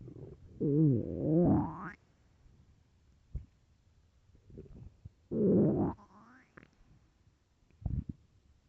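Two long, rising, groaning growls with scattered short gurgles between: loud hunger rumbling of an empty stomach, a normal sound.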